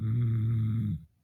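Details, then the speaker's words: Voice-chat participant who fell asleep during an online D&D session and was heard snoring over the call: one low, droning, rattling breath lasting about a second, then quiet. "Yes, asleep. you were like dying. Just that. We could hear you You were snoring."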